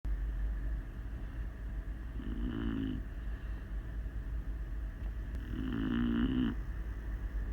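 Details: Fred, a sleeping Beagle, snoring loudly like a freight train: two rumbling, buzzing snores over a steady low background hum.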